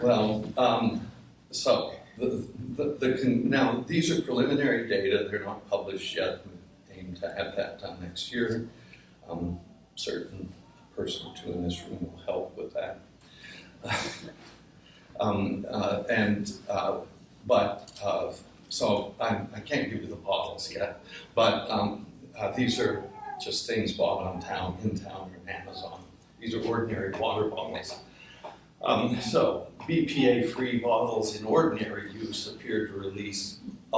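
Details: Adult man whose voice wavers from essential tremor, which his father had in his hands but he has in his voice; essential voice tremor.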